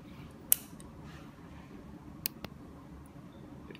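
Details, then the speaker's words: Needle holder from a basic surgical set, a ratcheted instrument with criss-cross tip for grip: a few sharp metallic clicks in a quiet room as its ratchet locks. "this instrument the needle holder may be one of the instruments you're most familiar with it has a ratcheted instrument crisscross tip accent grip than you"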